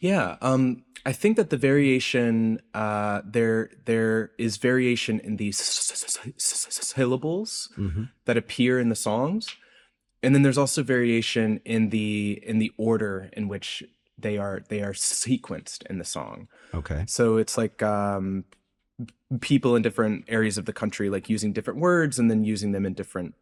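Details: Adult male researcher with a self-reported speech impediment present throughout the interview; this stretch has stuttering-like word repetitions; speech disfluency.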